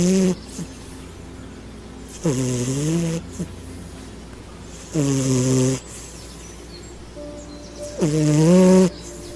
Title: Very Cute Cat Snoring In Deep Sleep